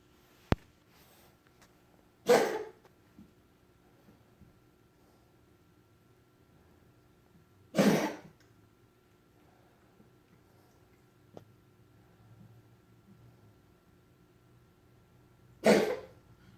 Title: More cat coughing